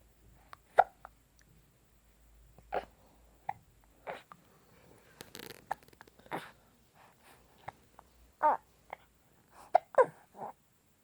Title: 20160220 아기 딸꾹질(생후2개월) a two month old baby hiccup